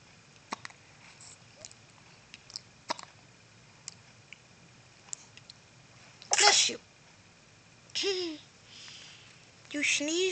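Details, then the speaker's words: Infant boy with hiccups lying in a Boppy pillow sneezes, jerking his head forward: sudden sharp bursts of air in quick succession in a quiet room with faint clicks. "no he has the hiccups he sneezed his whole head forward"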